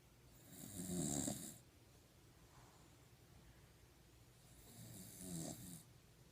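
Two loud rumbling snores with a hissing edge, separated by a quiet pause, in a small dog; ordinary snoring.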